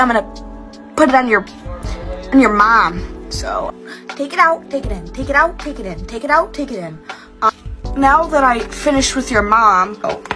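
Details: Tourette syndrome vocal tics, with repeated involuntary phrases and obscene words, in a young woman diagnosed at the Mayo Clinic at 18 and 19 at one point. The compilation traces her tic progression over time.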